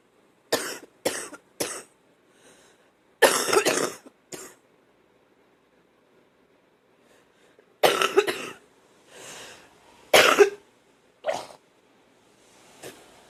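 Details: Bursts of harsh coughing, about ten in total, some rattling and phlegmy with throat clearing between; the person feels like they are drowning in phlegm and is hocking it up to clear the lungs; productive cough.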